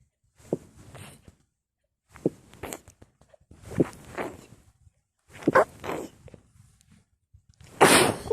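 A run of about five sharp, breathy bursts in quick succession, the last the loudest: a bout of repeated sneezing.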